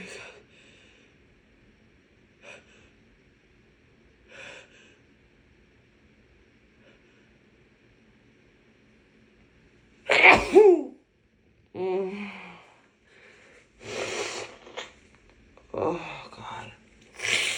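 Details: Head cold: soft sniffs, then several sharp nasal bursts and snorts with brief murmured words, from a woman snorting and sneezing during a bad cold.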